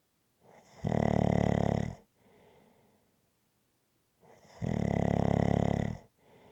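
Two loud, buzzing snores about four seconds apart, each followed by a softer out-breath, in a steady rhythm. Loud rhythmic snoring.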